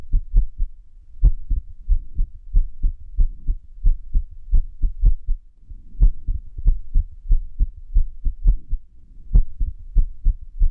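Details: Irregular heartbeat (arrhythmia): low heart thumps at about 92 a minute with unevenly spaced beats, some close together, others after longer pauses.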